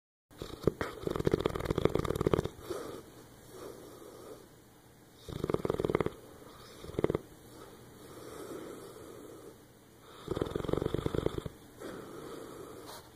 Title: Dog Snoring